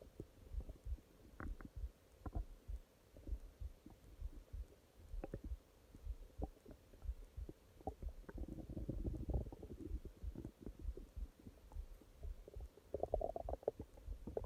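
Low gurgling rumbles and irregular bubbling pops over faint room hum; stomach growling, ordinary bowel sounds.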